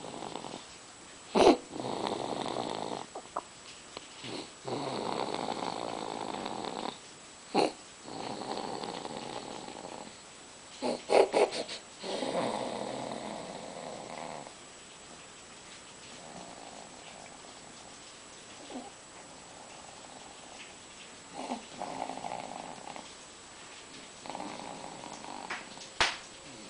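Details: A sleeping infant snores softly in long rattly breaths with brief clicks, two minutes after crying hard: infant snoring.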